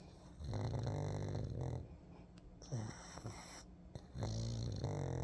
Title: Snoring and relaxing in the sun puggy! #Pug #doglover #dogowner